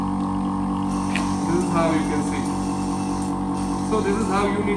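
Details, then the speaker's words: Portable phlegm suction machine (aspirator) running at maximum suction, demonstrated sucking water from a bottle: steady motor drone with pump hum and faint gurgling, voices in room; suction machine running. "proper we are going to connect the machine and you can see the connection has started you can adjust the flow rate from this"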